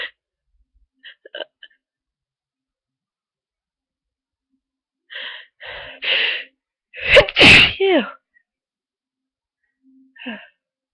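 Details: Person with a bad cold having a sneezing fit: run of short sharp bursts with catches of breath, building to a loud explosive sneeze, then a brief sound afterward.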